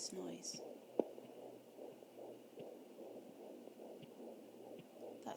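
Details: Rapid, soft whooshing pulses from placental flow, not the fetal heartbeat, heard on a Jumper Doppler at 20 weeks + 7 days with an anterior placenta.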